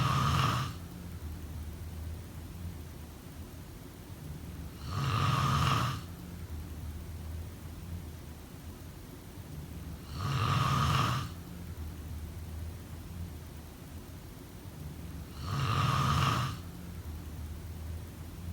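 Three loud, rattling snores at regular intervals, about 11 a minute, with quiet breathing between; snoring.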